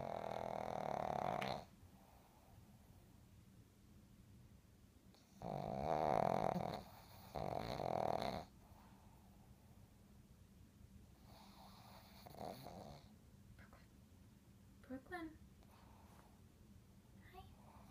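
Several loud, rumbling snores in bursts with quiet gaps, a faint snort and soft squeaks later; ordinary snoring.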